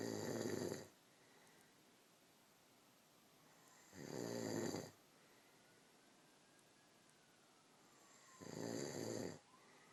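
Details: Snoring: three rough, rattling snores about 4 seconds apart, roughly 15 a minute, with quiet breathing between and faint room noise.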